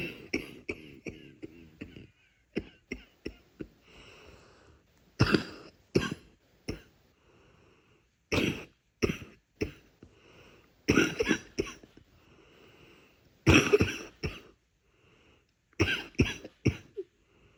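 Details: Nighttime faint yet congested coughing: repeated soft coughs with throat clearing in bursts, a wet, mucus-laden cough.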